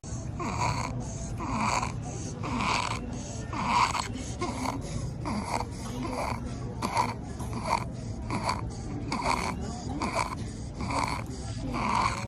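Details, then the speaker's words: Infant a few weeks or months old with noisy breathing since birth: fast breathing with repeated crowing, squeaky sounds on each breath in. Inspiratory stridor from laryngomalacia, a weak voice box. "अस्सलाम वालेकुम आज की video छोटे बच्चों के लिए है जो कुछ माह के या कुछ हफ्तों के होते हैं और पैदाइश के बाद उनकी सांस से आवाजें आती हैं और आवाजें इस तरह की आती है आप यह वीडियो क्लिप मुलाहिजा"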